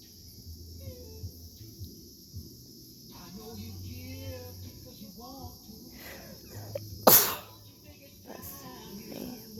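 A single sharp, loud sneeze burst after quiet sniffing sounds, with birdsong in the background.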